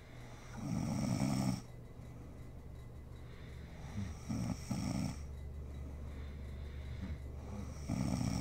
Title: SNORING MOM SLEEPING ASMR SERIES